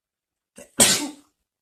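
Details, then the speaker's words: Single adult male sneeze: a quick faint inbreath, then one sharp, hissy explosive burst, jokingly called a wrong sneezing habit. "이건 잘못된 재채기의 습관입니다 여러분"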